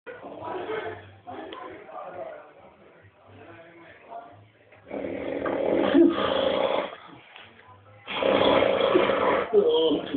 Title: My fat man snoring